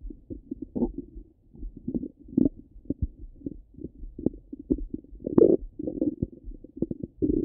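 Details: Ordinary active bowel sounds, stomach rumbling: irregular low gurgles, pops and rumbles coming and going continuously.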